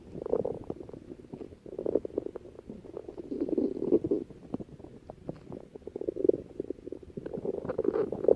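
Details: Irregular bubbling, gurgling rumbles in recurring waves from a female's stomach: stomach growling (borborygmi) from gas and fluid moving through the gut.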